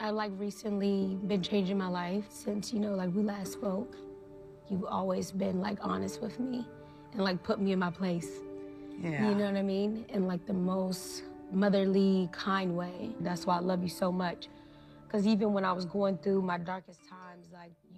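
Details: Adult woman speaking; Normal fluent speech.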